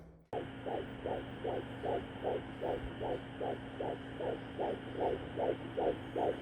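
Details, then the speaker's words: First-trimester pregnancy: a fetal heartbeat on Doppler, heard as rapid, regular whooshing pulses over a steady hum, about 150 a minute. "I'm gonna have to get a Doppler so that Devon can get to hear the heartbeat too because I really want him to get to hear it"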